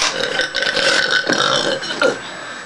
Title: burping contest part 2